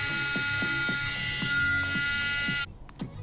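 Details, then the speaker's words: Oscillating cast saw on high setting cutting a fiberglass forearm cast along the radial side of wrist, real time: high-pitched steady motor whine with grinding knocks as the blade passes, then the saw stops. "I'm showing this video in real time and with the annoying noise so you can get an idea of how long this takes"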